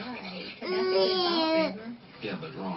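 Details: Infant girl aged 3 to 5 months: a brief, high-pitched wailing cry with whimpering sounds before and after.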